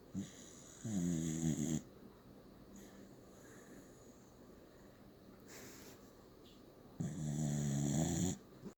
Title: Snoring dog